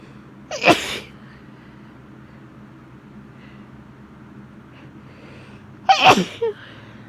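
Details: Two forceful sneezes from a woman, each with a quick in-breath before the burst; she blames spring pollen stirred up plus cold, rainy weather and has recently been ill; allergy sneezing.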